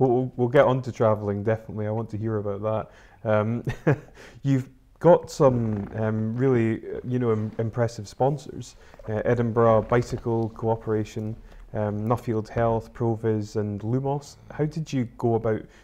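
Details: Adult male speaker; typical speech.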